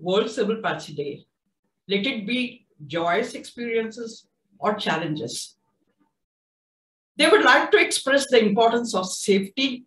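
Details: Adult speaker; typical speech.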